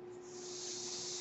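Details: Mechanical ventilator airflow heard in the background while a podcaster speaks; he notes the noise is his own ventilator.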